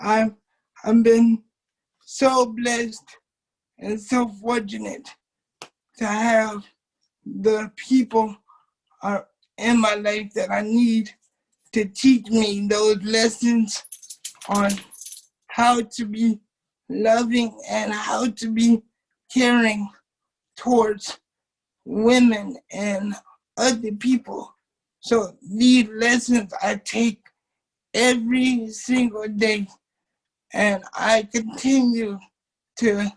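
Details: Dysarthric speech in a 27-year-old man with cerebral palsy since birth, affecting his muscles; he uses a wheelchair, and doctors had told his family he would not be able to talk.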